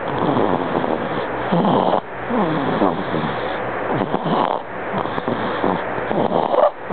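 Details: 2-month-old boy with laryngomalacia, tracheomalacia and chronic bronchitis: noisy, rattly breathing with harsh, fluttering sounds on each breath; stridor.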